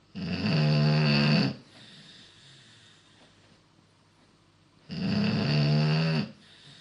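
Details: Beagle snoring really loud: two loud, buzzing snores lasting over a second each, about five seconds apart, with quiet breathing between; a sleeping dog snoring heavily.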